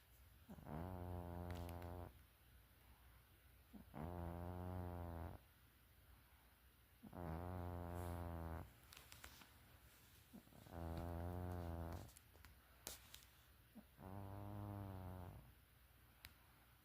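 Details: Sleeping cat snoring loudly and rhythmically, about 18 buzzing snores a minute.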